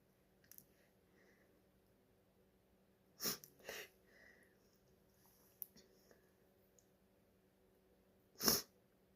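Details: Female who thinks it is allergies (hay fever): faint breathy shaky false starts in a quiet room, then a few sharp sneeze bursts, the last strongest; sneezing.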